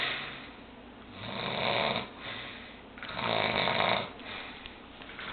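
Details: Rhythmic, harsh snoring that swells and fades with each breath, about two breaths in five seconds: ordinary snoring.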